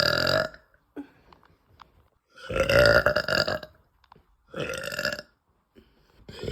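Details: Woman's three loud, long, rumbling belches with quiet pauses between them after eating; burping.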